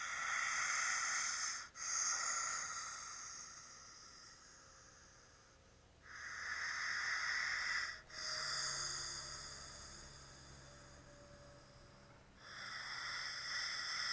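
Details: Snoring with slow, hissing, whistly in-breaths and a brief catch between, about 9 breaths a minute, high and airy in quality.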